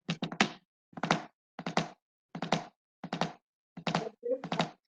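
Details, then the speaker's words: Knocked imitation of a gallop rhythm in a cardiac pathophysiology lecture, contrasted with normal and sinus-tachycardia two-beat rhythms: repeated three-beat clusters with an added third heart sound (S3). "Mientras que en el ritmo de galope, lo que va a pasar es que se aumenta un tercer ruido, y escuchen la diferencia."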